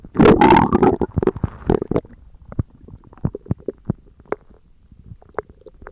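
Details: ASMR recording of stomach growling: a gurgling rumble fading into scattered bubbling pops and clicks; ordinary bowel sounds (borborygmi).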